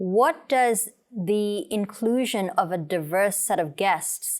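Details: Adult woman speaking; ordinary speech.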